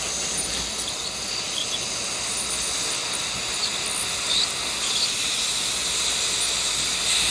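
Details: Piezosurgery unit on periodontal settings during non-surgical debridement of the maxillary right quadrant in a numbed, sedated patient with pockets up to 7 mm: a continuous high-pitched hiss with water spray removing deep debris.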